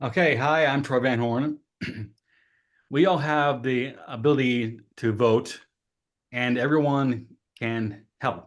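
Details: Adult man who has had aphasia for 5 years; aphasia.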